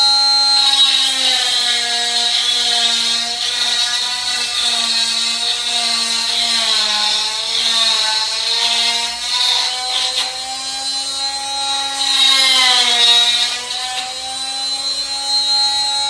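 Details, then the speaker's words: Oscillating cast saw removing a cast from a boy aged about 5 or 6 in hospital: loud, high whining motor hum wavering in pitch as it cuts; saw vibrates rather than spins. "It just vibrates and it won't cut you, okay? I'll show you."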